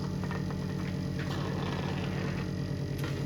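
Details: Practical closed-suction demonstration for a patient with a tracheostomy or ET tube on a ventilator. Suction unit switched on and checked after 100% oxygen hyperoxygenation: steady low motor hum with faint rhythmic pulsing; suction working well.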